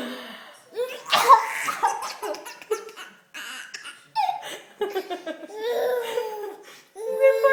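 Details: Mother's sharp, noisy ordinary cough burst followed by her infant son's high, bubbling laughter.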